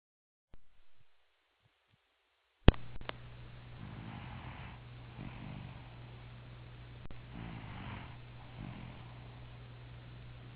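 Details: Mobile-phone recording of someone snoring during sleep: soft, low rumbling breaths recurring every couple of seconds over a steady hum.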